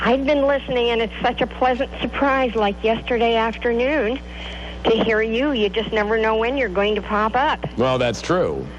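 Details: Adult female caller, radio phone-in; normal speech.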